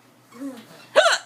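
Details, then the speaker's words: Mother with persistent hiccups while her child says "boo" to scare them away: a single abrupt, sharp hiccup after a brief vocal sound. "okay I still got the hiccups oh my God I still have the hiccups"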